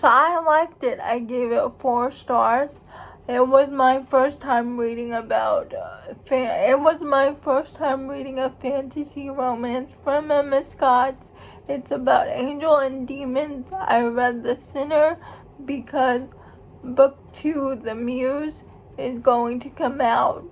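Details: Adult woman who states she has cerebral palsy, real condition; dysarthria associated with cerebral palsy.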